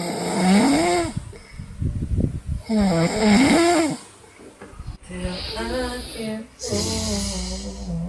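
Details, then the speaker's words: Two people in a snoring contest deliberately imitating snores: loud, exaggerated, buzzing snores with rising and falling pitch and faint breathing between; simulated snoring. "Ngorok Indonesia. Ini yang lebih keras."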